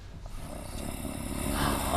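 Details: Loud, rough, rumbling snoring rising over two seconds from an adult man sleeping at night, recorded by a roommate sharing a room in London; described as bad, never-ending snoring.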